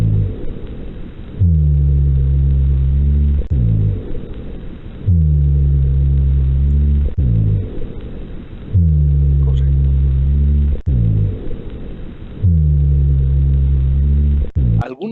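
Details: Rhonchi: low-pitched, snoring, rumbling continuous sounds recurring with each breath, a continuous adventitious sound.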